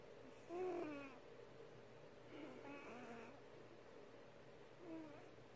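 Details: Cat snoring: two or three soft, rough, tonal snores a few seconds apart over quiet room noise.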